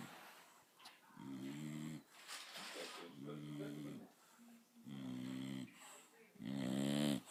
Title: Bulldog snores (loud)